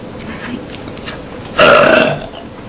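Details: Loud, drawn-out voiced belch about half a second long after quiet background talk, while eating a meal at home after drinking soda; ordinary burping.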